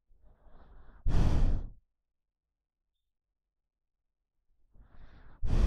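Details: Normal breathing of a sleeping dog: slow, deep breaths, each a soft inhale and louder sighing exhale, about 13 a minute.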